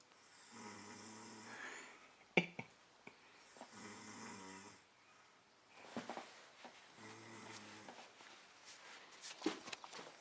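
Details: Adult man (friend) asleep and snoring in a hot hotel room around 5 a.m.: rhythmic, rattling snores on each breath in, about three breaths heard, with soft room noise between them.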